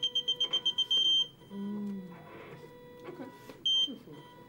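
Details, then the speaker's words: Rapid high-pitched repeating beeps then a longer tone from a ventilator, alarming when the mask is pulled off or falls; ventilator disconnection alarm. "even if a patient knows or people you must pull the mask the mask falls the system will alarm"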